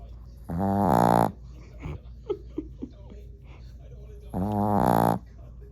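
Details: A dog dreaming in its sleep, with two loud, buzzy, rasping snores about four seconds apart and soft snuffles between them; snoring.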